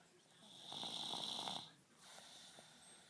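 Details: Little girl snoring in sleep after a tiring day at a children's party: one noisy breath with a high whistling edge, then a softer breath.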